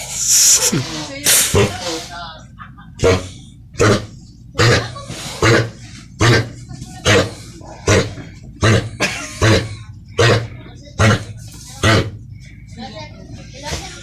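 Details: Dog with kennel cough: repeated harsh, honking coughs with retching, about 13 bursts in 14 seconds.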